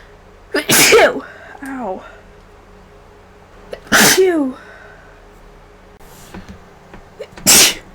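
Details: Person with allergy-like sneezing after a day around many vases of funeral flowers, antihistamine worn off and runny nose: three forceful sneezes, each with a voiced burst and a short falling tone.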